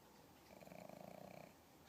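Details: Sleeping pug: one short, fluttering, buzzing snore on the breath, rattling quickly; snoring.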